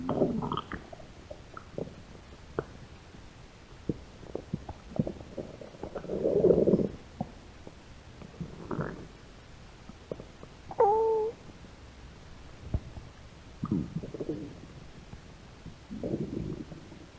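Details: Stomach growling (borborygmi) from hunger in a hungry American woman: irregular gurgles and squeaky rumbles over quiet background noise.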